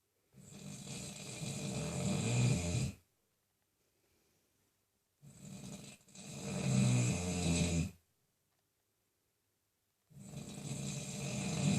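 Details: Snoring in a man who claims he wasn't even asleep: loud, rough, rattling snores on each breath, about 13 a minute, with silent pauses between them.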